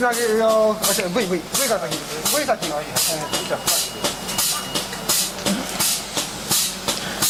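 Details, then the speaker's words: Mechanical chest compression device running in the emergency department 15 minutes after the patient's arrival, giving mechanical circulation. "15 minutes after arrival in the emergency department the person has mechanical circulation you can hear that the the the the um chest compress"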